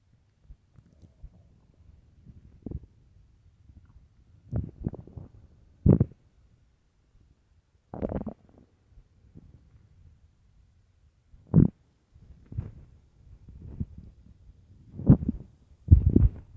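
Repeated low rumbling and gurgling bursts with quiet gaps between them: stomach growling from hunger, an ordinary gut sound.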